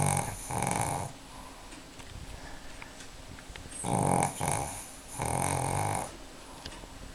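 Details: 4-year-old Pekingese dog napping on a Sunday afternoon, snoring with loud, rough, rattling snores in bursts, about four snore phases in seven seconds, with quieter breathing between them.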